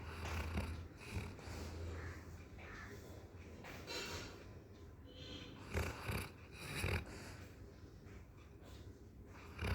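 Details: Sleeping dog: low, rough snoring sounds with each breath, plus a few snorts over a steady low hum of room noise; snoring.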